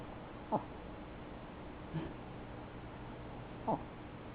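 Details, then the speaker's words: A sleeping Chihuahua, Macchiato, snores behind the owner in a chair: three brief, soft snorting snores about every three seconds against quiet room noise; ordinary snoring. "That's Macchiato snoring. He must be sleeping good."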